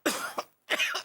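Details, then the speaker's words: Adult man gives two short, harsh coughs while talking on the phone, acted for a comedy scene; cough. "अरे आप खांसी खाते खाते बात करेंगे तो मैं आपकी आवाज कैसे पहचानूंगी?"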